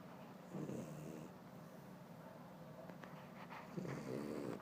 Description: Frenchie lay next to me to take a nap after his first run. He snore really loud lol